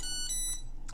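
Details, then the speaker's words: A short electronic beep over low room hum: a Tandem t:slim insulin pump alarming that its cartridge is empty, during cartridge and infusion set change. "about that it's beeping at me because it's empty"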